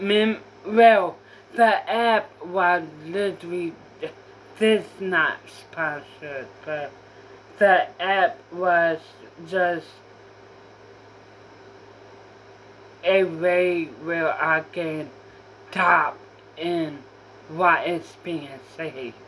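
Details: Apraxia of speech in a female speaker who says she was diagnosed with apraxia as a child.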